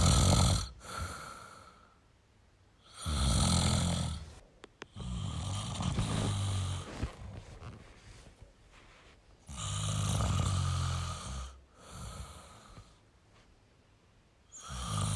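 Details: Male snoring: loud, low, rattling snores on each breath in, about 16 breaths a minute, with quieter breaths out between them.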